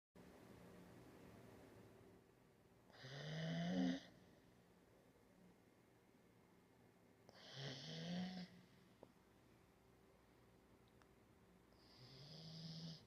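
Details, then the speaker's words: Female golden retriever snoring after coming home from a bath: three slow snoring breaths, about 14 a minute, each a low rattling rumble with a whistly edge, over quiet room hiss. "Gente, olha como ela tá roncando. Chegou do banho. Tá roncando, gente."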